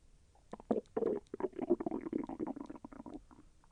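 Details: Bowel sounds of digestion, with the intestine moving and causing slight pain: bubbly gurgling and rolling rumbles from the belly.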